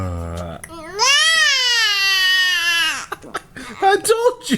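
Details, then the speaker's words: A 2-month-old baby, startled by daddy's yawn, lets out a sudden long high-pitched wail, then fussy breaths and short cries; infant crying. "I yawned started to cry like why"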